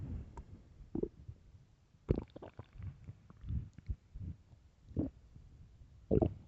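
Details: Loud stomach growling from hunger (starving), recorded for headphones: almost continuous low gurgling with frequent bubbly pops; active hunger borborygmi, a normal sound.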